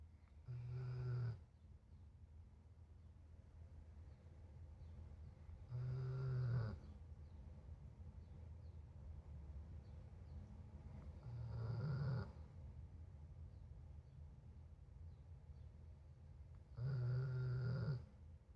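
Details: Four low, rumbling snores at about 11 breaths a minute, with quiet breathing between, over a steady background hum; snoring.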